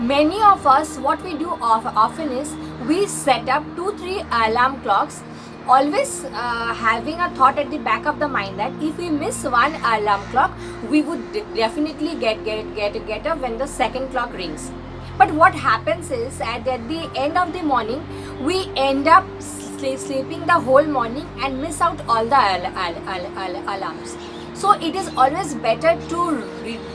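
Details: Woman who describes herself as a stammering vlogger; stuttering.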